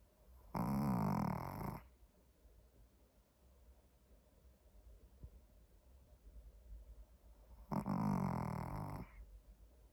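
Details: A sleeping puppy snoring: two long, low, buzzing snores about seven seconds apart with quiet breathing between, normal snoring.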